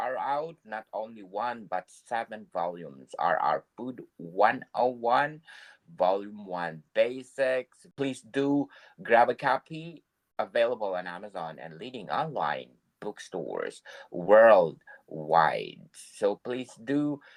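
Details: Adult male speaker; typical speech.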